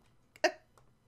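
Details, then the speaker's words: Adult who is sick and having sneezing fits: a quick catch of breath, then one sharp, forceful burst that fades fast; a single sneeze. "hello excuse me sneezing fits sorry I am sick you probably hear that in my voice actually"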